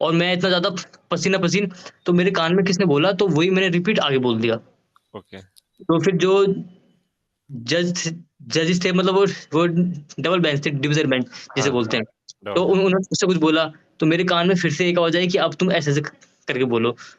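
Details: Adult male Supreme Court of India lawyer who stammers, speaking Hindi, with audible word repetitions; stuttering.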